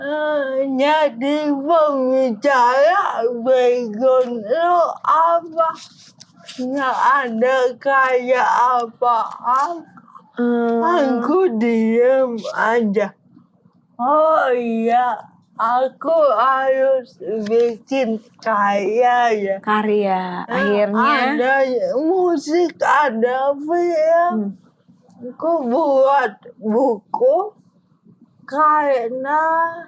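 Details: Dysarthria in an adult woman with cerebral palsy, a motor disorder limiting gross and fine motor skills.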